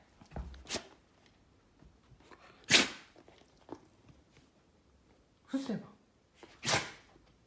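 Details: Brindle Akita dog, 1 year 10 months, gives several short sharp sneezes when told to lie down, seemingly to dodge the command; behavioural sneeze.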